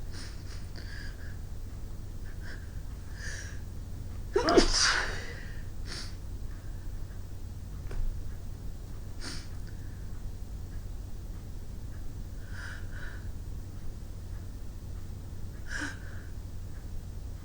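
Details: Person sneezing outdoors in winter after clearing snow from the sidewalk, nose running afterward: one loud sneeze burst among sniffs and short breathy sounds over wind-like outdoor noise.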